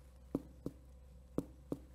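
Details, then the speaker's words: Chest-assessment teaching demo: four sharp percussion taps over the stomach, each a single hollow, drum-like, relatively long, lower-pitched ring; normal tympanic percussion note. "the sound of timpani you can tell it's a single pitch it's hollow sounding and it's relatively long as well"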